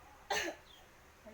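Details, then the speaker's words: Voluntary forced cough on command after three deep breaths, performed by an adult male patient during a nursing effective-cough procedure demonstration; one strong deliberate cough in a quiet room to clear sputum. "Nanti yang ketiga kali batukkan dengan kuat."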